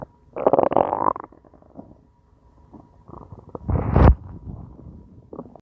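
Low gurgling rumbles from the belly, two main bursts with softer gurgles between; ordinary hunger growling.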